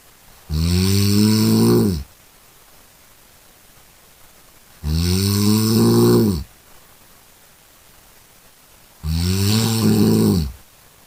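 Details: A sleeping cat snores with three loud, rough, rumbling snores, each about a second and a half long, separated by quiet pauses, at roughly 14 breaths a minute; snoring.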